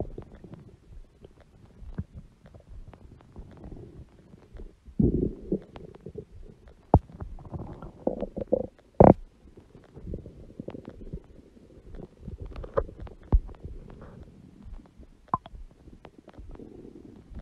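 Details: Irregular gurgling, bubbling and rumbling bowel noises from a large belly with occasional louder squeaks; stomach growling (borborygmi).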